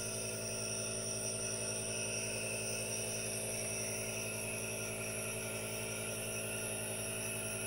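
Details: Aerosol nebulizer running for a no-talking ASMR relaxation recording with hand movements: steady hiss with a constant mechanical hum, no talking.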